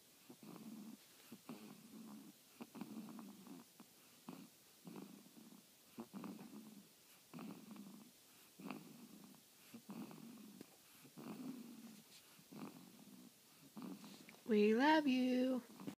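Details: A cat snoring softly and rhythmically, with raspy noises about once a second, ending in a short meow.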